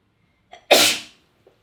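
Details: A single sharp, explosive sneeze with a quick indrawn breath before it, tailing off. Afterwards the person apologises and mentions a runny nose.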